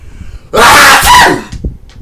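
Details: Acted, comedic sneeze from a skit on types of sneezers, the "dying sneezer": one long, loud, drawn-out sneeze burst with a strained voiced cry, then quiet. Simulated sneezing.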